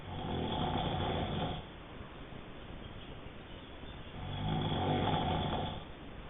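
Two long, rough, rumbling snores on breathing in, separated by quieter breathing out; steady snoring during sleep.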